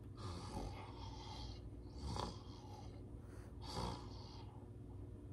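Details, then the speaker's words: Imitated, not real, harsh gurgling snore-like breaths, like severe sleep apnea, as breathing rate drops: gurgling respirations of a heroin or fentanyl overdose. "you'll notice that it's like that gurgling like their lungs are filling though you'll hear the it's almost like it's almost like somebody has really bad sleep apnea but that gurgling sound"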